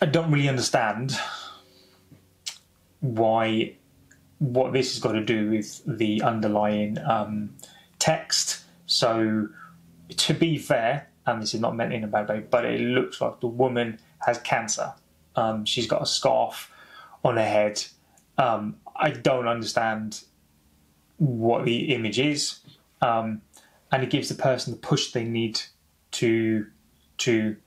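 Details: Adult man who has stammered for over 30 years, speaking spontaneously: stuttering.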